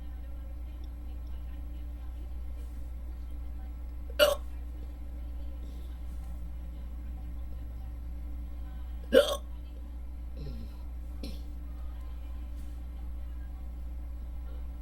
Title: Hiccups(audio only)